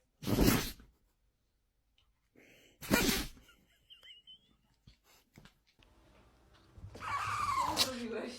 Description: This dog’s sneeze will make you smile 😄🐾